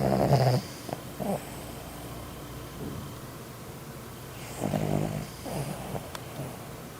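Low, rattling, buzzy breathing noises come in short bursts, some in close pairs, with quiet gaps between them: snoring during sleep.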